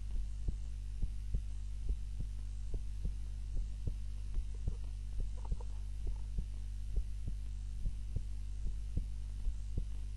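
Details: Normal heart sounds during an afternoon nap, self-recorded on a timer while lying on the back (usually prone): soft steady heartbeat thumps, roughly 90 a minute, under a constant low hum.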